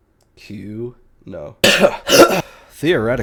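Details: Man with COVID talking during a stream: his voice breaks into a few harsh, rough coughs with throat clearing, then he resumes speaking; cough.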